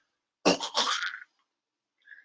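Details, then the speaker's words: Adult human imitating a dog's kennel cough: harsh, honking cough burst ending in a retching gag. Such dogs cough several times a day but otherwise eat, walk and wag their tail normally. "as you guys heard the kennel cough is very distinct and Ollie I could even play it again but basically uh it it sounds like this it sounds like uh they do like a gag at the end so listen for if your dog starts coughing this distinct gagging noise they'll go"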